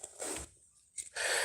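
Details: Person with Tourette syndrome who mentions mucus: brief, forceful nasal snorting bursts with a short pause between them, a vocal tic.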